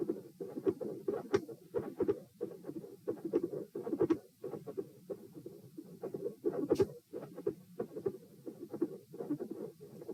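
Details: Heart sounds recorded at position P, patient supine doing leg exercises to test heart response, 78–90 bpm: regular beats about 90 a minute with sharp high-pitched clicks riding on them, clicks intensifying, pattern unchanged.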